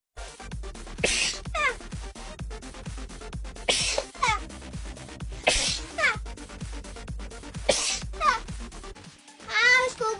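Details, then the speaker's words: Chinese woman with rhinitis and seasonal allergies, who says sneezing makes her feel her brain is being shaken out: four forceful, spraying wet sneezes a few seconds apart over background music; repeated allergic sneezing. "要命的是什么呢？就是打喷嚏的时候，你真的有一种要把你脑浆给你甩出来的感觉，整个一天都是那种昏昏沉沉的，脑袋啊，一天连续2次喷嚏是这么简单吗？"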